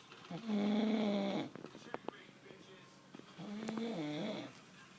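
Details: Loud snoring that woke the listener: two long, loud, buzzing tonal snores with a quiet pause and soft clicks between them.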